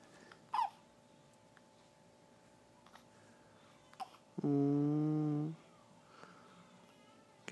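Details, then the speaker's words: Persistent hiccups that will not stop: two brief, sharp hiccups in a quiet room, followed by a sustained whining vocal sound lasting about a second. "계속 딸꾹질이 나와요. 아이고, 어떡해. 멈추지가 않네."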